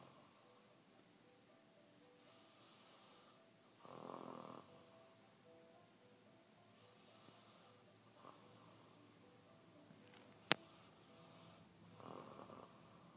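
Two rough, rattling breaths in through the nose about eight seconds apart, over faint background music; snoring.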